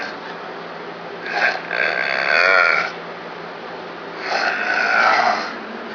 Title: snoring man